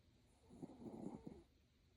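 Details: Dog napping snuggled in a plush throw: soft, low rattling snores over a quiet background; ordinary sleep snoring.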